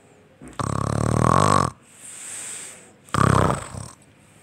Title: Snore Sound Effect Vlog